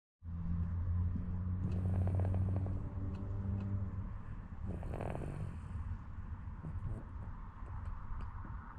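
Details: Sleeping baby, very tired after playing, snoring: low, buzzing snore-like breathing with a rougher noisy breath midway, against a deep rumbling background.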